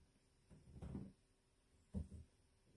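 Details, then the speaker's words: Adult reports stomach growling during a quiet house visit; stomach growling (borborygmi). "can you hear my stomach it sounds like it's"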